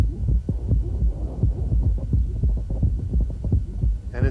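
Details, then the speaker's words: Man with hypertrophic cardiomyopathy doing handgrip: heartbeat about 86 a minute, soft whooshing systolic murmur that fades with handgrip and returns with a brief mid-systolic squeak. "gone coming back you hear that kind of Schmid systolic squeak"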